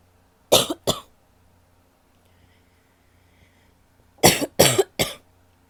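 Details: Two bursts of coughing, two then three coughs, loose and rattly with phlegm; wet, productive-sounding cough from a female.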